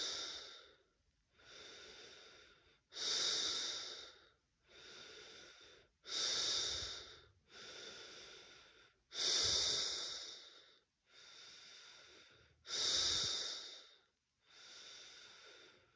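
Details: Person with first positive COVID-19 test, chest feeling hard and trachea blocked: loud, noisy laboured breaths with a faint whistle, about 19 a minute, alternating strong and softer phases.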